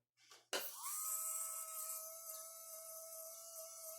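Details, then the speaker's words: High whine of a small Implantmed dental implant machine motor spinning up without the handpiece attached, with a slightly uneven note from a catching rotor bearing; the user complained the handpiece motor was sticking and heating. "Tapos ngayon ngayon ano na yung motor natin meron ng sabit. Sumasabit na yung ano niya. Sumasabit na siguro yung rotor niya. Ay yung pinaka bearing niya o may sabit na siya."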